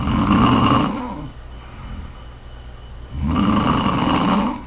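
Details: Woman snoring during sleep: loud rattling snore on each breath in, with a quieter breath out between.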